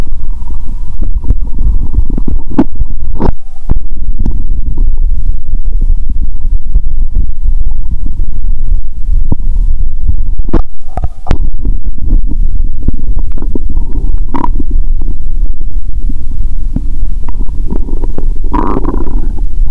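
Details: Stomach sounds through a stethoscope on the belly after eating Mentos and drinking cola: steady low rumble with frequent gurgles and fizzy pops, active bowel sounds.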